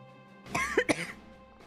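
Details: Woman coughing during a live gaming stream, saying afterward she feels fine.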